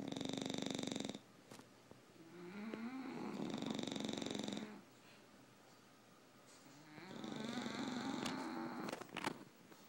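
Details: Two tired English bulldogs asleep and snoring: loud, buzzing snores on inhalation alternating with quieter exhalations, in a small room.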